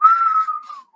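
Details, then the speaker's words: A single high, steady whistle imitating the wheeze of COPD, where inflamed, narrowed airways make air whistle when inhaling or exhaling: imitated wheeze. "when it gets narrow and the air is trying to pass through it then you get that whistling sound right"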